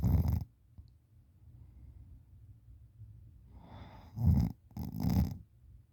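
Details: Loud, low, rough, wet-sounding snoring bursts with rattly breathing between, from a sleeper lying on the side with the mouth open and drooling; snoring.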